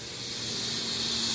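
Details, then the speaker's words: Neptune surgical suction machine set to 20 liters with an open port left unplugged; a steady loud hiss of rushing air building slightly in level; suction machine hiss. "suction but in 20 liters you see how now it's in the 20 and it's making that noise because I left the other this thing right here"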